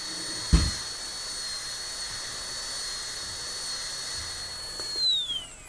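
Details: Steady high-pitched whine of a high-speed dental drill cutting a maxillary premolar Class II preparation in a dentist training class, dropping in pitch as it spins down at the end.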